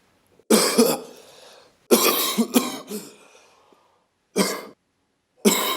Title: The cough (documentation)